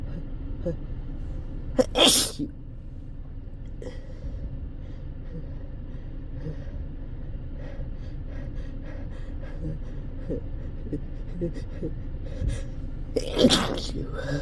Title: Loud uncontrolled sneezing